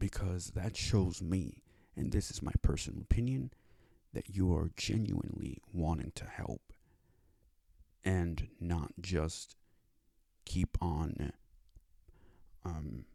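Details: Speech disability (speech impediment) in a male with cerebral palsy; it took five years to obtain speech therapy.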